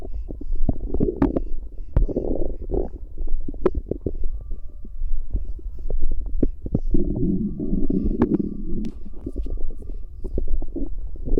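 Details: Bowel sounds recorded from a pregnant woman's stomach: low gurgling, bubbling rumbles with scattered clicks and pops in irregular bursts.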